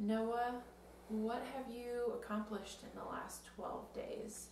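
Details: Adult woman; typical speech.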